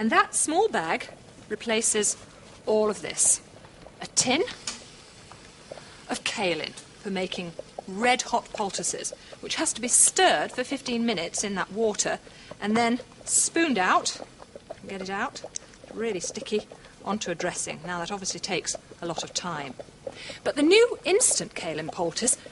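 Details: Adult speaker; normal speech.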